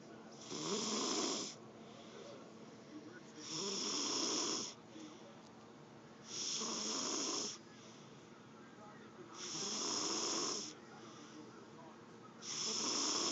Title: Pennekins snoring